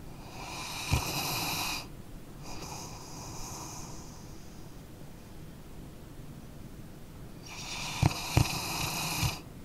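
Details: A sleeping dog gives slow rasping snores with soft snorts between them; snoring.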